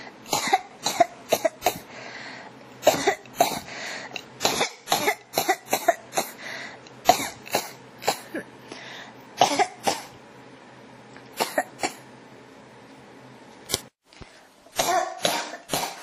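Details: Persistent cough in an ASMR recording: about 25 repeated short, dry coughs in quick bursts, with brief pauses between clusters.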